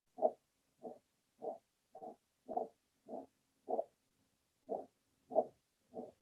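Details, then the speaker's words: Dog with myxomatous mitral valve disease: a regular rasping whoosh with each heartbeat, at about 95 per minute; holosystolic murmur of mitral regurgitation. "Now, the typical murmur of mitral regurgitation will be so long and loud that it may obscure the heart sounds. So, here's a holosystolic murmur of mitral regurgitation."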